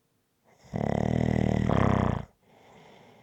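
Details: One long, loud, rattling snore on the in-breath followed by quieter breathing, from a 20-minute ASMR snoring recording.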